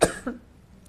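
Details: One short, sharp cough, then a brief throat clear in a quiet room, from a podcast host speaking on a sick day; cough.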